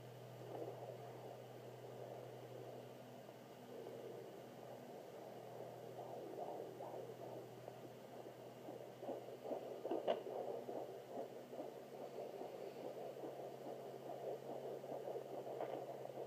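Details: Fetal heartbeat on a Sonoline B fetal Doppler at 27 weeks 3 days, rapid whooshing about 140 beats a minute, fading briefly as the probe shifts; active fetus kicking near the end.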